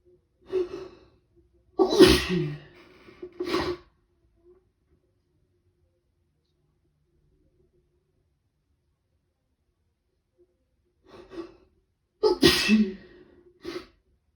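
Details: Someone with a cold, day 2, waking in the morning with prolonged rapid sneezing fits: two bouts, each a sharp gasping intake then forceful explosive sneezes, about four in total; sneezing.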